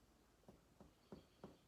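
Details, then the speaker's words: Mediate percussion over the chest lung fields, avoiding the heart and stomach bubble: four soft, evenly spaced taps, each giving a hollow, resonant note typical of normal lung; duller over the heart, more tympanic over the stomach bubble. "tap and you normally hear a resonant noise of course over the heart it's more dull areas like that stomach bubble is more tympanic"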